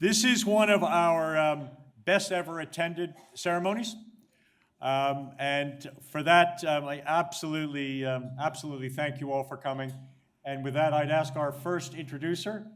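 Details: Adult male speaker; Normal speech.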